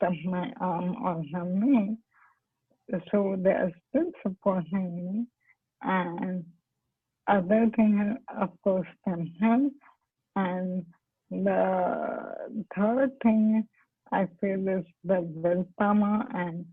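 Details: Adult woman doctor with amyotrophic lateral sclerosis diagnosed around 2005; her dysarthric speech had become incomprehensible before stem cell therapy and is now comprehensible.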